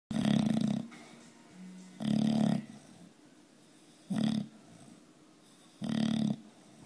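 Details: Bulldog snoring: low, rattling snores at irregular intervals, about four in seven seconds, with quieter breathing between them.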